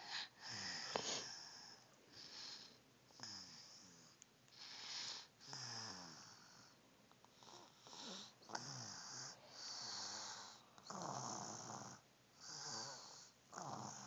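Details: Steady snoring with regular breathing cycles, hissy rasping noise and a faint whistle on each breath, about 30 breaths a minute; snoring.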